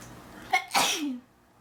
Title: Induced Sneezing #1